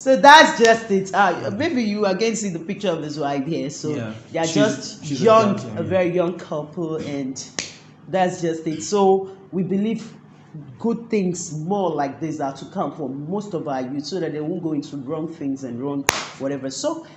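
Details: Adult male speaker; ordinary speech.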